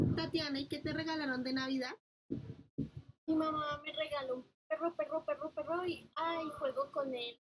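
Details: Girl; palilalia.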